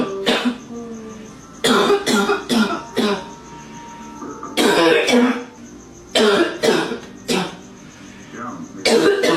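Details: Barking cough from an adult woman, described as a smoker's cough: repeated deep, harsh, congested coughs in short bouts.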